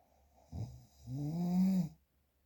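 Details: Real, unprocessed recording of snoring: a single low, rattling snore on an inward breath, preceded by a brief snort.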